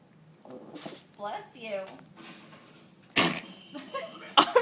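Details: Shih Tzu during the last two minutes of a five-minute sneezing fit: short, sharp nasal bursts with quiet snuffling between them, while the owner speaks nearby.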